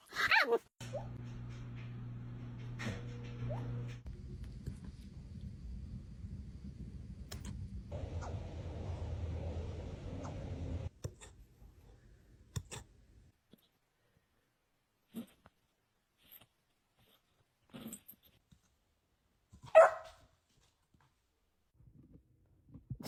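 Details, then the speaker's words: Puppy hiccups: soft, brief hic sounds every couple of seconds after a steady machine hum fades out. "you have the hiccups? Oh, you got the hiccups? Yeah, you got your hiccups."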